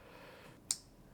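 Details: Single sharp click from a transcranial magnetic stimulation coil pulse over the left motor cortex, with a relatively low motor threshold; the pulse makes the right-hand fingers twitch.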